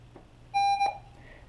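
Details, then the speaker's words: Pulse oximeter for newborn and pediatric home use, demonstrated on the adult instructor: a single short electronic alarm tone sounding because the heart rate fell below the set low heart rate alarm limit. "an example of an alarm because my heart rate event initially was lower than the heart rate low alarm was set on this machine"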